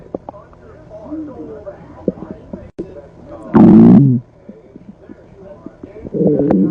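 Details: Low gurgling and rumbling abdominal noises with one loud, drawn-out growl; stomach growling (borborygmi).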